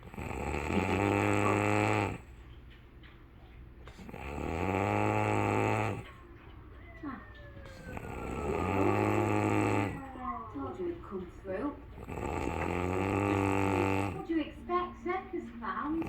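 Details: Sleeper snoring: four long, rhythmic rattling snores about every four seconds, roughly 15 a minute, with faint talk and sounds between: snoring.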